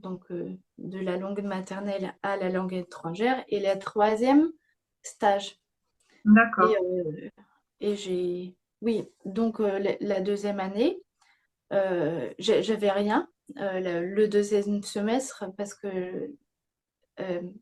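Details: Young woman with aphasia after a stroke at age 22 that severely affected speech and grammar, with ongoing word-finding difficulty; aphasia after stroke.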